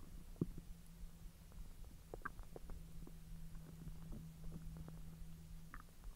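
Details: Bowel sounds (borborygmi) from the belly after eating hotdogs following a 10-hour empty stomach: quiet low gurgles and a long rumbling growl; normal digestion.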